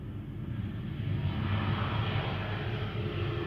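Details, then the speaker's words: Simulated hearing loss (right ear 50 dB, left ear 40 dB, normal 25 dB): airplane sound rendered as a muffled, low rumble to show how a patient with this hearing loss hears it. "Sedangkan kalau ada gangguan pendengaran seperti Pak Andi sekarang, itu kedengarannya akan seperti ini."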